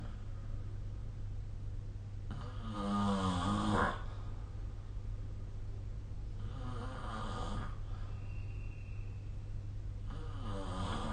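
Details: Snoring recorded with the SnoreLab app: three rough snoring breaths about four seconds apart, with a steady low hum in the room.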